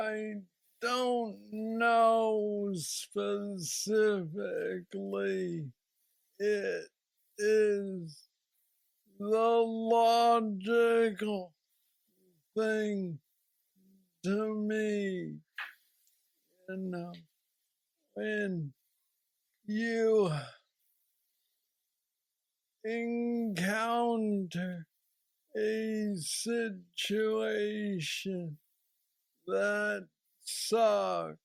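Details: Hypokinetic dysarthria (Parkinson's disease speech) in a 46-year-old man diagnosed with Parkinson's disease at age 35, who says he has the most aggressive form; a deep brain stimulator was implanted 2 years after diagnosis.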